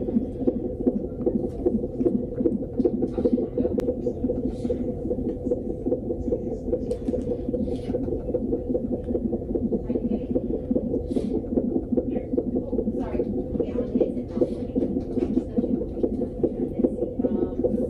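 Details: Fetal heart monitor at 26 weeks 6 days in a mother with gestational diabetes: a rapid, steady whooshing pulse at about 150 bpm, which the doctor called good; a normal fetal heartbeat.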